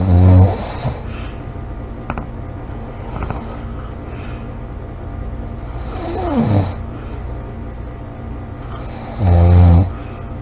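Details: Three loud, low, rumbling snores in about ten seconds with quiet breathing between, faint background music; loud snoring recorded July 26 2017.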